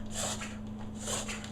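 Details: Dog named Buddy, coughing since yesterday, not constant but frequent: two short, harsh, snort-like honking bursts consistent with kennel cough; cough resolved after a couple of days.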